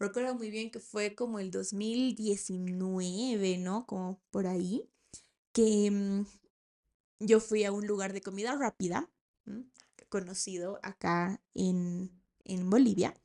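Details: 28-year-old woman, a speech-language therapist, who has stuttered since age 4 and still stutters, finding the P sound especially hard: stuttering.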